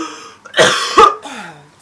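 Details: A sick adult gives two harsh cough bursts with a rough, wet edge, then reports bringing up yellow phlegm: productive cough.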